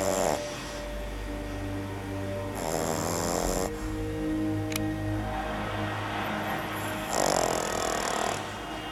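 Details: 13-week-old Boston terrier puppy snoring while asleep, nursing in his sleep: soft snoring breaths, with music and room noise in background.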